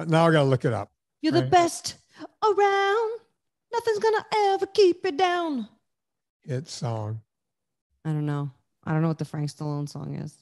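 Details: Adult speaker, conversational; normal speech.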